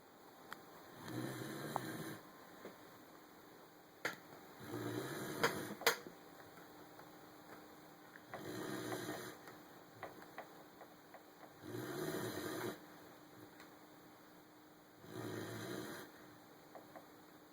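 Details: A sleeping German Shepherd puppy that snores a lot: regular rasping snoring breaths, about 17 a minute, with faint clicks in a quiet room.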